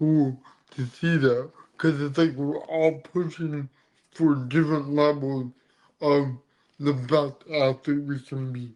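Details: Adult man with dysarthria from cerebral palsy present since birth; he says CP affects his neck muscles, deepening his voice and making talking hard.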